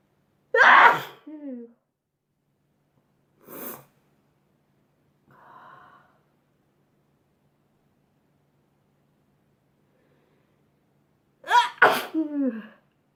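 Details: Several sudden, explosive bursts of air, some with a voiced 'choo' and short catches of breath between; ordinary sneezes in a quiet room, from a sneezing compilation.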